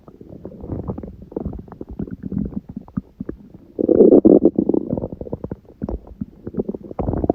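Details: Stomach growling recorded at 1:30 after waking, following a large udon meal at 19:30; the owner suspects a reaction to gluten after a long break. Irregular gurgling and rumbling with a louder sustained growl midway: borborygmi.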